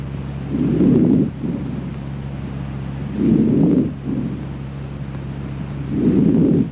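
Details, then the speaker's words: Stethoscope chest auscultation: soft, low rustling breath sounds, about 22 breaths a minute; normal vesicular breath sounds. "entre los hallazgos normales se ausculta el soplo respiración laringotraqueobronquitis la respiración o murmullo bronco vesicular no y no y no el murmullo vesicular"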